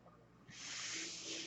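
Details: Real recording of a podcaster's own mechanical ventilator, its breath sounds audible in the background while he talks.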